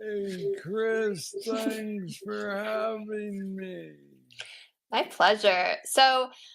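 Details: Adult man with Parkinson's disease diagnosed at age 35, about nine years ago, a form he calls the most aggressive he knows, treated with an implanted brain neurostimulator; hypokinetic dysarthria.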